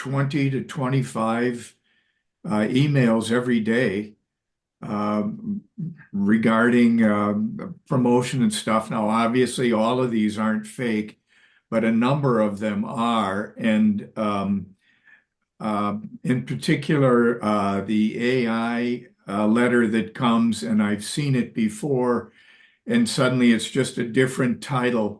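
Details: Adult male speaker; normal conversational speech.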